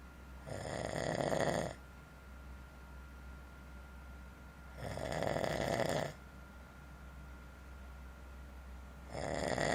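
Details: Person snoring in a motel room: loud rattling snores on each breath in, about every four seconds, with quiet breathing out between; ordinary snoring.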